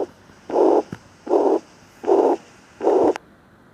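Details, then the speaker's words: Heart murmur of regurgitant type (aortic or mitral regurgitation), played during a cardiovascular physical examination: repeated long whooshing sounds with short clicks between them, about 77 a minute. "selanjutnya yang abnormal atau bunyi jantung tambahan adalah bunyi murmur juga Hai jadi seperti anda semburan gede atau namanya regurgitasi atau Artha maupun Mitra"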